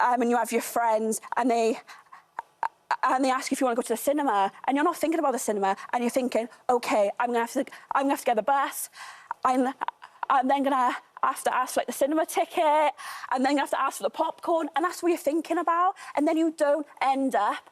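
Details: Real stammer (stuttering) in an adult woman who has stammered all her life; finding: stammer (stuttering).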